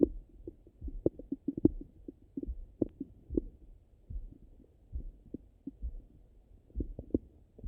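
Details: Stomach rumbling after breakfast, heard through a stethoscope on the abdomen: irregular soft low gurgles and thumps; ordinary bowel sounds of digestion.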